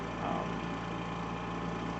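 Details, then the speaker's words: Steady, even low droning hum of the motor in an AirSep home oxygen concentrator running normally, with its indicator light showing proper operation during a demonstration. "of course it does make a humming noise because there's a motors working inside there"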